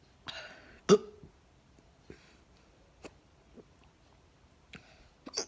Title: Upclose neck hiccups